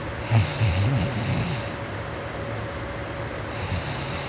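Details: Morning snoring: a short, low, fluttering snore with snorting, then steady room noise.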